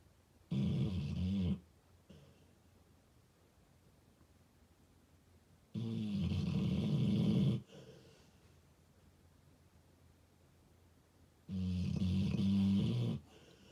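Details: A 4-year-old male American Staffordshire Terrier/Pitbull snores loudly while asleep on his blanket. Low, rattling snores come roughly every five to six seconds, about 11 breaths a minute.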